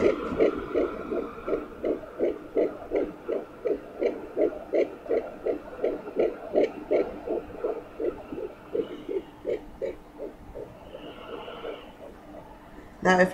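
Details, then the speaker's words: Fetal heartbeat at 10 weeks on a Sonoline B pocket Doppler: rapid, regular whooshing pulses about 165 per minute; mother searching for a possible second heartbeat about 1.75 inches away, uncertain whether it is twins or an echo. "let me see if i'm getting on the other side i can hear something like wind on this and if i move over it sounds like the same heartbeat right"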